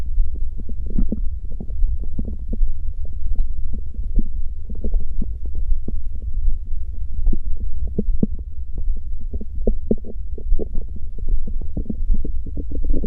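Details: Continuous low rumbling and gurgling from the belly, a stomach growl that keeps going without pause; borborygmi.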